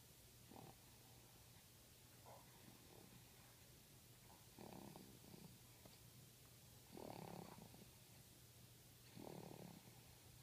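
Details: Soft, irregular noisy rumbles recur about every two seconds against a steady room hum, fitting snoring during sleep.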